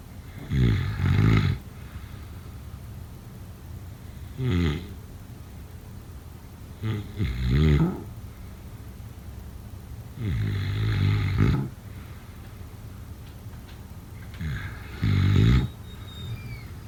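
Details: Snoring: deep, fluttering snores about every three seconds, roughly twenty a minute, over a steady room hiss.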